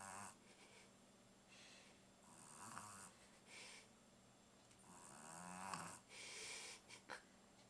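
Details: Sleeping Pug snoring: repeated snorting, rattling breaths at a slow resting rate, loudest on breathing in.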